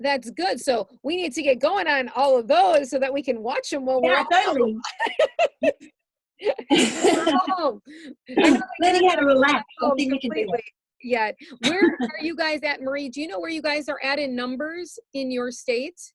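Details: Adult woman speaking; typical speech.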